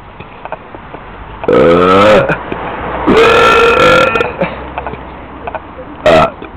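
Three loud voiced burps, two long and one short, over faint street noise; repeated belching.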